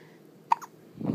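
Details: Newborn boy, two days old, awake after feeding well: a single soft, abrupt hiccup followed by faint fussing; hiccups.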